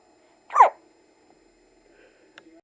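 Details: Baby boy who fell asleep during a long bout of hiccups and kept hiccupping: a single sharp, brief hiccup in an otherwise quiet room; hiccups during sleep.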